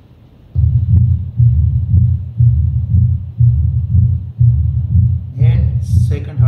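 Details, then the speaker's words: Patient with diagnosed pure, uncomplicated mitral stenosis, auscultated at the apical (mitral) area while timing with the carotid: regular low heart sounds near 60 a minute, a loud first heart sound, and continuous low rumbling between beats. "So I can listen the first heart sound, second heart sound. First heart sound is loud"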